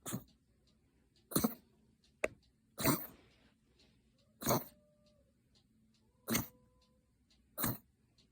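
A dog gives about seven short, forceful coughs, spaced a second or so apart, in a quiet room.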